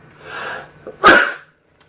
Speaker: Excuse me. First time after all these modules that I've sneezed on camera. That's not bad, huh?